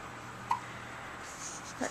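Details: Infant recorded with a Flip Video camera: two brief, sharp hiccups about a second and a half apart in a quiet room; hiccups.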